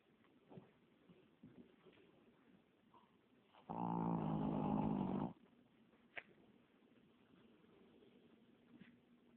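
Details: Snoring from a sleeping rescued puppy-mill dog.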